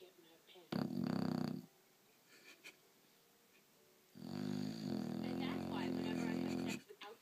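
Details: English bulldog snoring like a human: two loud, rumbling, vibrating snores with a quiet pause between.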